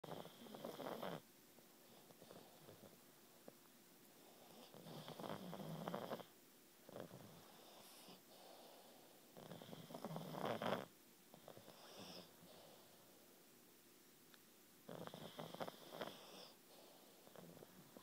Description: Pug brothers who sleep together, snore together!